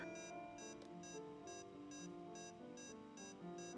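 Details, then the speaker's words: Regular high-pitched beeps about 115 a minute, synchronized with SpO2 pulse rate, from a simulated LLEAP patient monitor with virtual defibrillator and pacer, over faint music; pulse oximeter beep. "the high pitch beeping is synchronized with spo2 pulse rate"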